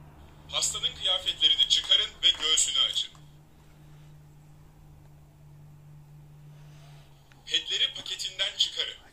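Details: Automated external defibrillator voice prompt: a tinny recorded Turkish voice tells the rescuer to remove the patient's clothing and expose the chest, with electrodes not yet connected, while the device runs on an external adapter after battery failure.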